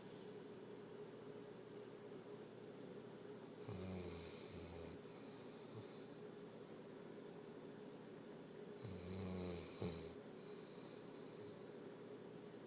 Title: snoring